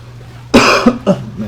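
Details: Gamer coughing while narrating gameplay and saying they are already losing their voice: a loud cough followed by a second, shorter cough over low room hum.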